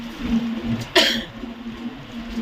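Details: Single sharp acted (simulated) cough from an adult, heard over a steady low hum of room noise; a performance of a COVID-type cough.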